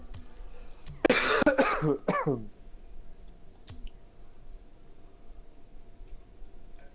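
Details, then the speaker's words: An adult gamer on a live broadcast gives a quick run of three or four harsh, slightly rattly coughs and then remarks that he sounds like a smoker; quiet room noise with faint clicks follows. "Oh man. I sound like a damn smoker. Just coughing over here, no big deal."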